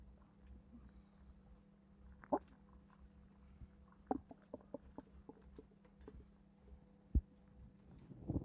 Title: 5 months pregnant woman experience stomach growling almost mi$carriage while doing housework